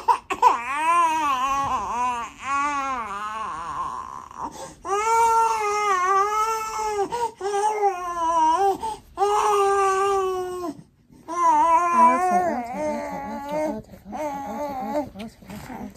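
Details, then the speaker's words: Baby girl sick with flu and a blocked nose wails loudly and steadily, with brief pauses for breath, while her mother cleans her nose; infant cry. "thank you her note isn't that bad some just leave her be right now because I hate when she cries I hate doing anything that I feel is putting her in pain but I know it needs to be done"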